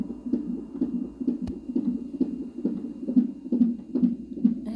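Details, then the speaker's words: Fetal heartbeat on a clinic fetal monitor that also tracks contractions, during monitoring of a pregnant woman before delivery; she has pregnancy problems needing continuous monitoring. Rapid, regular muffled whooshing thumps at about 140 per minute over monitor hiss. "وهنايا البنات، هنا المونيتو، ما عرفتكم واش غتسمعوا دقات القلب ديال المولود ولا لا."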